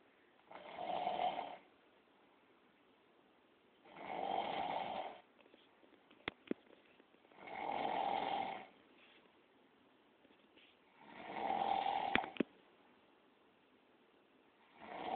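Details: Snoring, loud like a walrus: regular rasping snores on each breath in, about 16 a minute, with quiet pauses and a few faint clicks in the room.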